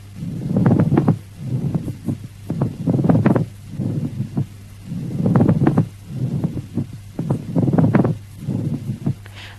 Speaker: Listen to the pleural rub, which has a rubbing or creaking quality like the creaking sound of new leather and is of loud intensity and superficial nature, sounding very close to the ear.